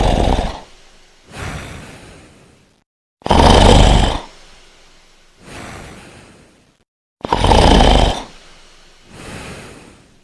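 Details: Adult man snoring in his sleep: loud, rough, rattling snores on each in-breath, each followed by a softer snore on the out-breath, about 15 breaths a minute.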